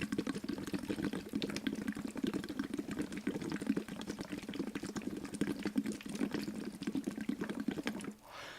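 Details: Lax Vox voice therapy exercise for spasmodic dysphonia: blowing through a tube submerged about 4 cm (men) or 3 cm (women) in a water bottle, making free, natural bubbling.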